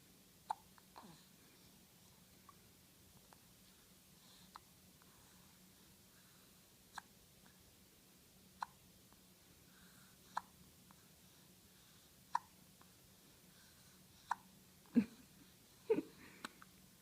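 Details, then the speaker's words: Small, sharp hiccup clicks every second or two from an infant in a quiet room, smaller than his usual hiccups; ordinary harmless infant hiccups, persisting despite being moved. "you getting hiccups again? Yep, some little hiccups. Now, if these are little hiccups for you, normally you get the big ones."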